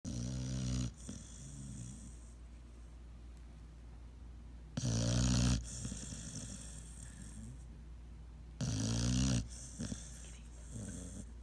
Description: This is my 7mo old pit, he's cute but loves to snore.